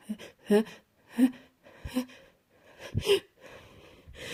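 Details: Person sick with a cold and sneezing: a run of five or six quick, catching inhalations with brief voiced edges, like the gasps before a sneeze.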